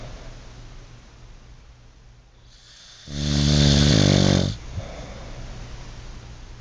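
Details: Adult man sleeping: one loud, rattling, buzzing snore on an indrawn breath, lasting about a second and a half, over steady room noise.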